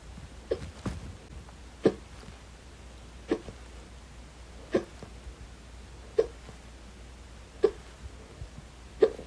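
Short, abrupt gulping sounds repeating about every one and a half seconds, roughly 40 a minute, in a quiet room; hiccups.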